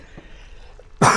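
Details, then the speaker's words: A single short, loud throat-clearing cough from an adult streamer in a quiet room, a sound the streamer says they regularly make just to clear their voice; throat clearing. "That's that I do regularly make that sound when I'm just uh trying to clear my voice."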